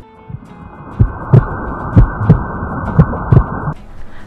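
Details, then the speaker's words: Normal heartbeat as heard through a stethoscope, in a biology lesson on circulatory anatomy: steady lub-dub about 60 beats a minute over a low background hum. "latidos del corazón se pueden escuchar a través de un estetoscopio que ayuda a amplificar el sonido de los latidos"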